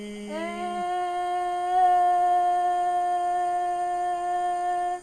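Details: Patient phonating through the mouth during rigid videostroboscopy, exam described as pretty normal; normal sustained phonation.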